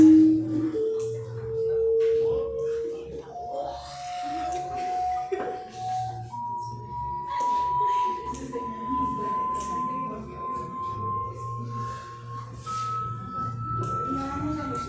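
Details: Test tones played at changing frequencies to show age-related hearing loss (presbycusis), with the suggestion that higher tones heard in childhood may no longer be heard with age: hearing test tones.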